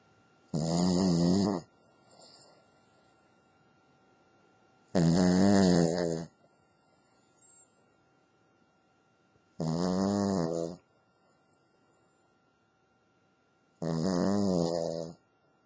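Loud, rhythmic snoring with four long rattling breaths in about 15 seconds, roughly 15 breaths a minute, with quiet pauses between.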